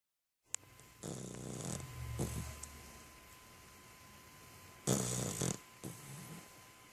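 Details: A sleeping puppy snoring: several rough, rattling snores on the in-breath, with a faint steady tone in the background.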